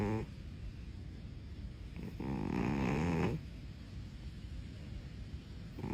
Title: FUNNY SNORING CAT!